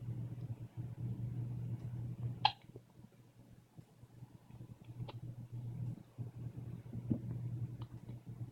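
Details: Person with hiccups lasting two days: several brief, sharp catching sounds at irregular intervals over a steady low hum of fan or engine noise.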